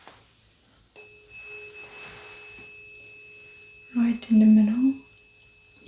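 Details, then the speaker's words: Simulated head-to-toe exam roleplay: a struck tuning fork is placed on the forehead for a Weber test. It rings with a steady pure hum, followed by soft murmured speech; the person feels it about equally in both ears. "I'm gonna place it top of your forehead and I want you to tell me if you feel the vibrations in both of your ears equally"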